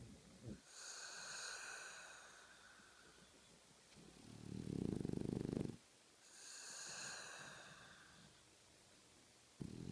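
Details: Soft whistling breaths alternating with a low fluttering rattle, about 11 breaths a minute; snoring.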